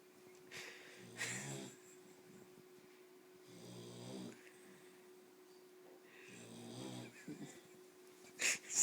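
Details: Snoring: three rough, rattling snores at regular intervals, with quiet breaths between and a steady faint hum in the background.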